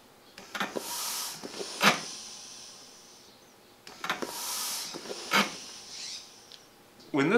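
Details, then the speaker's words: Homemade ventilator built from a windshield wiper motor, foot pump, solenoid valve and CPR mask: two slow pump strokes with hissing airflow and valve clicks, a pause between, cycling about 13 times a minute; micro switch opens exhale valve. "this micro switch is engaged, this valve opens, allowing the person to exhale. The moment the pump comes off the micro switch, that valve closes, allowing the pump to pressurize the mask."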